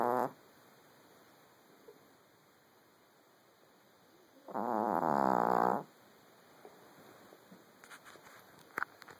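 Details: A buzzing, rattling snore with quiet breathing between snores from a sleeping Chug (chihuahua-pug mix) dog: loud snoring.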